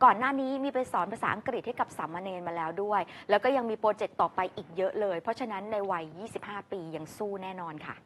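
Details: Adult woman speaking Thai; ordinary speech.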